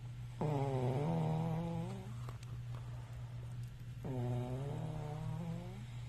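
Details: Sleeping person snoring: two long, vibrating, tonal snores a few seconds apart over a steady hum of room noise.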